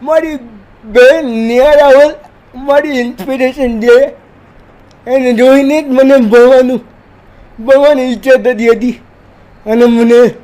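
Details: Dysarthric speech in a 30-year-old man with cerebral palsy who says he is 80% disabled and cannot move like a normal person; speaking Gujarati.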